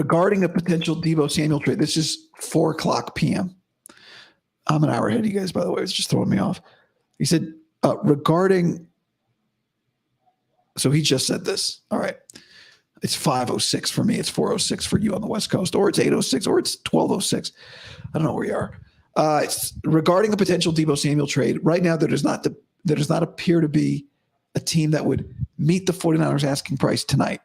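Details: Male host with dysphonia about five to five and a half weeks after vocal cord surgery; he reports daily improvement but likely unchanged from yesterday after heavy voice use and no sleep.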